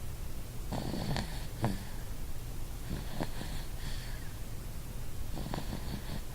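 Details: Snoring in bed in the morning, which sounded much louder and more snore-like in person than recorded: low rumbling breaths with rattling snorts on the in-breath, about three cycles in six seconds.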